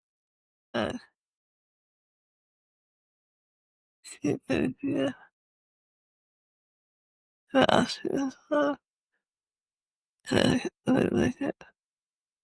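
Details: Severe slurred dysarthria in a woman with cerebellar-type multiple system atrophy (MSA-C); her speech has deteriorated fastest and is hard to understand.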